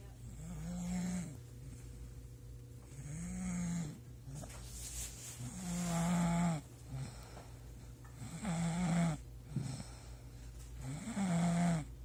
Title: Loud snoring